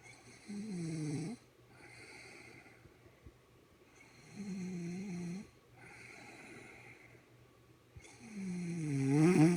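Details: Adult woman asleep after eating a lot of chicken: loud rhythmic snores on each breath in, about 15 breaths a minute, growing louder at the end; heavy snoring.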